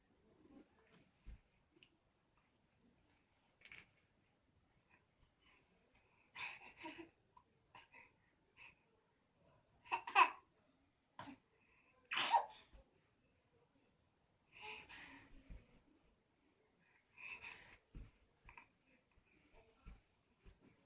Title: Kid sneezed beautifully, Малыш красиво чихнул, الطفل يعطس بشكل جميل،